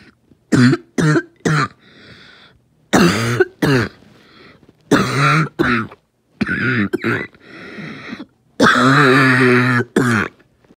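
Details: Asthmatic coughing fit: repeated harsh coughs in clusters with strained gasping and wheezy, whooping intakes between bursts, then a long voiced retch-like cough; described as a choking fit.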